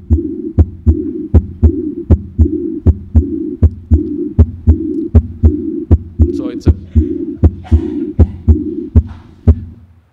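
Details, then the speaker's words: Aortic regurgitation: a high-frequency, blowing diastolic murmur beginning right after S2, heard with regular heart sounds. "a blowing murmur which is aortic regurgitation uh and you can see here the S1 S2 and the murmur starts exactly after the S2 so it's a diastolic blowing murmur high frequency murmur right"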